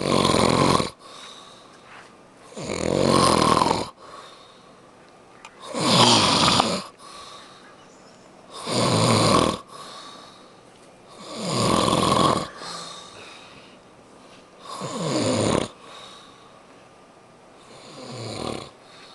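Loud, rough, rattling snores on each breath in, about six in twenty seconds (roughly 20 breaths a minute), with quieter breaths out between them; snoring.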